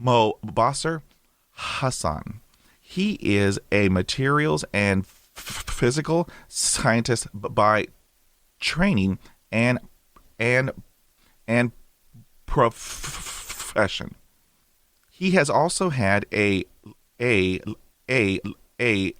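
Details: Adult male with lifelong stuttering since he began speaking, mother also stutters; a recovering stammerer using breathing techniques from a stammering recovery course and a speech synthesizer for lectures; stuttering.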